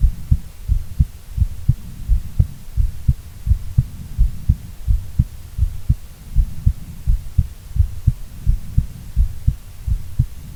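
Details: Normal heart sounds from a female: steady, even, regular low thumping heartbeat at about 86 beats a minute.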